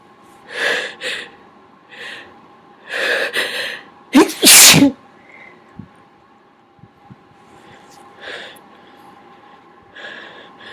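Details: A series of stifled, muffled, deliberately held-back sneezes, then one loud full sneeze; some were smaller than usual.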